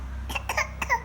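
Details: A toddler pretending to cough. Three quick, light, voluntary imitation coughs.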